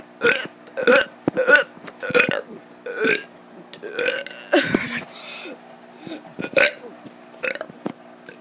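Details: Kid doing deliberate, forced burps: a rapid series of short belches, roughly a dozen in eight seconds, with a faint steady hum behind.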